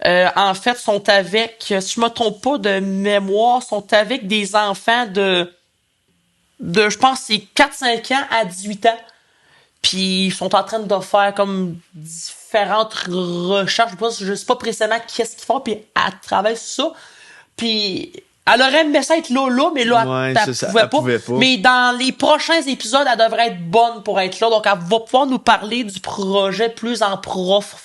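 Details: Adult male French-speaking podcast co-host who stutters and says he works to fight and control his stuttering; stuttering.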